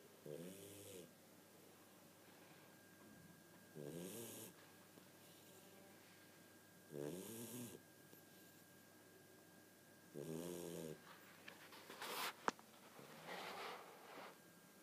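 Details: Four loud rattling snores at roughly twenty a minute over a quiet room, then brief shuffling; animal snoring.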